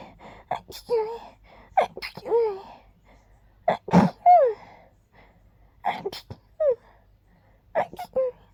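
Several light, breathy sneezes, each with a voiced gasp or sigh, in short clusters. Repeated sneezing.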